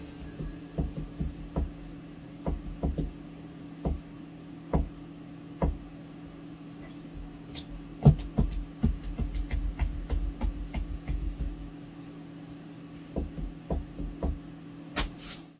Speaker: here's a Tik Tok from a user named showing the toe joint popping method again but this time making the sound appear to move around the